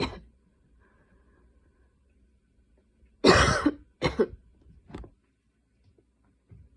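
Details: Night coughing fit at 12:30 am while unable to fall asleep: run of three to four harsh coughs in a quiet room.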